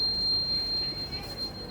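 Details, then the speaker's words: Phoenix NCPAP 300 bubble CPAP machine for preterm babies in NICU being switched on with its compressor: steady high-pitched electronic start-up tone over faint room noise. "So we will start this bubble CPAP machine, Phoenix and CPAP 300. This is the compressor. We have to start it here."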